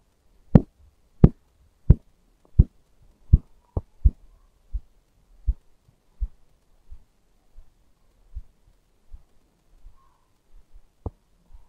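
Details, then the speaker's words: Korotkoff sounds via stethoscope under a manual sphygmomanometer cuff on the arm, inflated to 180 then deflating: regular soft thumps, about 87 a minute, starting at 130 (systolic) and fading at 85 (diastolic); home BP demonstration. "the first time we heard a throbbing sound at 130 our systolic blood pressure is 130. the last time we heard a throbbing sound at 85 our diastole blood pressure is 85."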